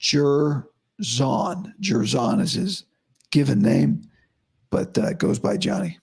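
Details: Adult man, about five to five and a half weeks after vocal cord surgery; he reports daily improvement, though today likely unchanged from yesterday after heavy voice use and no sleep. Dysphonia after vocal cord surgery.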